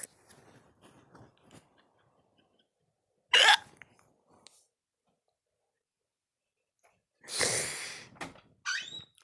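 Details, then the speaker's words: Hiccups at midnight: sudden sharp gulping sounds growing louder, some with a squeaky voiced edge, separated by quiet pauses and a breathy exhale in a small room. "oh they just keep getting louder and louder i can't take my hiccups seriously i sound like a drunk"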